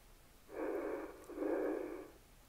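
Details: One simulated breath from a virtual iHuman patient case, played while assessing respiratory rate: a soft, airy inhale and matching exhale, steady and unlabored, with a faint room hiss.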